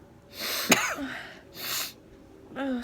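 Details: Sharp sneeze burst after an inhaled gasp, then a second breathy burst and a brief exclamation, during a mother-and-daughter sneeze challenge after sniffing something that burned the nose; induced sneezing.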